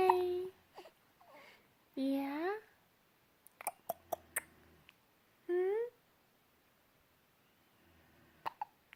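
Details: Infant hiccups: several short, sharp catches in the breath mixed with the baby's squeals and coos in a quiet room.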